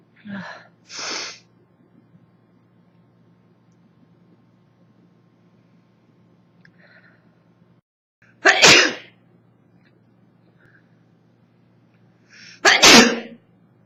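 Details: 24-year-old woman with summer allergies, recorded on an old phone that distorts the audio: three sneezes, each preceded by a brief inhaled build-up, quiet room with low hum; allergy sneezing.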